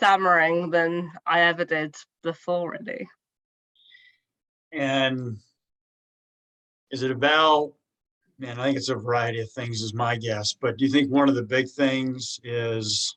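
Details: Adult woman who stammers, speaking in a podcast interview; finding: stuttering.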